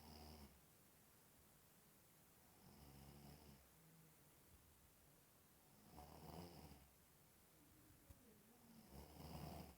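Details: Person asleep snoring in a quiet room; low rattling snores on each in-breath, about 20 a minute; ordinary snoring.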